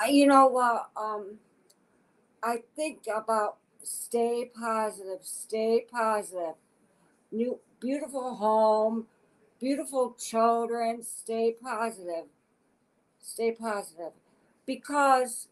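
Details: Adult woman with aphasia as a deficit of a stroke in August 2014 at age 52; aphasia.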